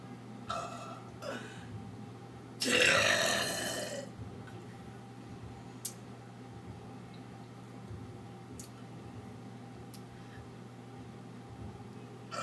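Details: A girl's loud, drawn-out belch of about a second and a half, with faint clicks and quiet room noise before and after: burping.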